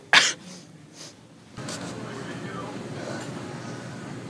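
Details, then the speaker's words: Deliberately exaggerated prank sneeze: a single sharp, explosive sneeze, then quieter sounds and background noise, followed by apology about a "monster sneeze"; staged obnoxious sneezing. "oh shoot sorry some monster sneeze just gets me sometimes on you"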